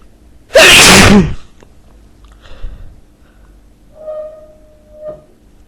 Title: Lots of powerful sneezes